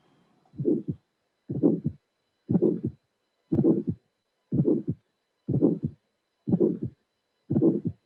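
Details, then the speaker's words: Systolic ejection click after the first sound, then a harsh systolic murmur and a normal second sound, at about 61 beats a minute, in teaching auscultation; aortic stenosis with an ejection click from a bicuspid aortic valve. "you have a first sound ejection click systolic normal second sound so this is a a backups with arctic stenosis"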